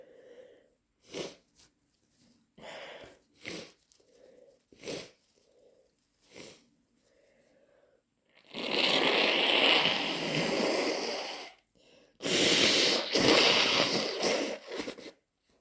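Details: Wet induced/hay fever sneezing: several quick sharp sneezes with short in-breaths between, then two long wet, snotty nose blows.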